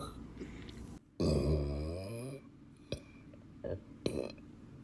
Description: My big burps get you hooked yet, if yes then subscribe